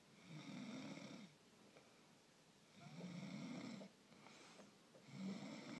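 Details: Loud rumbling snores on breathing in, about every two and a half seconds, with quiet breaths between; a person snoring.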